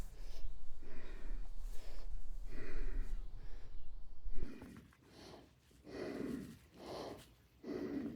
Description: Garden tour and me wheezing to catch my breath afterwards. Cancer is tough on my lungs.